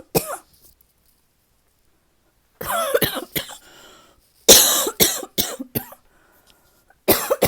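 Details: Tickly dry cough that the person feels is finally improving: several bouts of short, dry, harsh coughs, about eight in all, separated by pauses.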